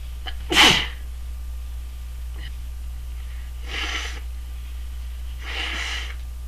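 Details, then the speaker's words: One sharp, loud sneeze, then two softer breathy bursts over a steady low room hum; sneezing. "sorry I tried to hold that one back well I guess that's it for now"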